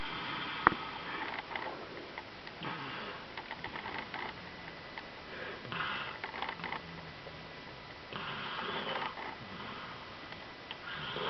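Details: Sleeping baby with soft, hissy, nasal breathing noises recurring every two to three seconds in a quiet room; light infant snoring.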